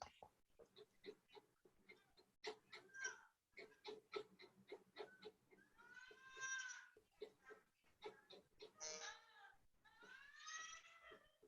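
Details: Crying and vocalizing from a 28-year-old woman with severe intellectual disability, autism and ADHD, born with six digits on each side, with possible absence seizures, two-year mobility decline and frontal disinhibition, on risperidone, valproate and trazodone.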